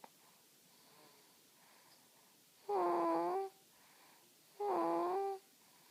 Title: snoring